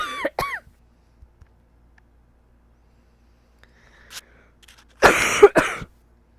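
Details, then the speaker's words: A few short dry coughs, then a pause and another pair of harsher coughs in a quiet room, interrupting speech; speaker keeps coughing while trying to talk. "ugh, I want to talk and I keep coughing."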